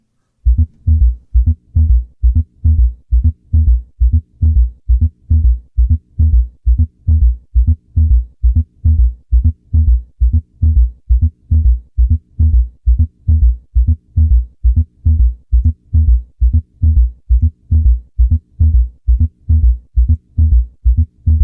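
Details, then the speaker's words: S3 and S4 gallop (quadruple rhythm) heart sounds in heart failure teaching, following a normal S1 S2: regular low heart sounds near 67 a minute with extra filling sounds. "i did just want you to hear that normal s1s2 in the beginning and now we'll introduce s3 and s4"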